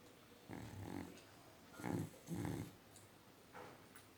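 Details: Dog snoring in deep sleep: soft, rough snorts in short bursts with quiet gaps between them; snoring.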